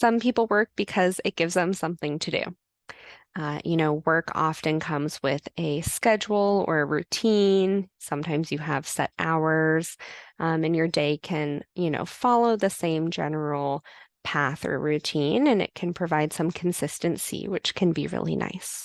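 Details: Adult woman speaking; Normal fluent speech.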